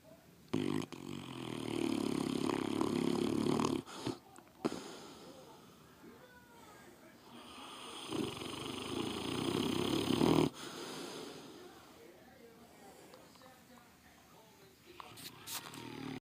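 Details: Sleeping Bullmastiff dog: loud, rough snoring breaths with quieter pauses and light room noise between snores; snoring.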